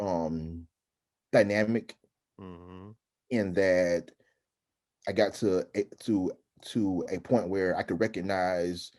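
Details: Adult man who stutters, heard with frequent interjections such as "um" while talking in conversation; stuttering.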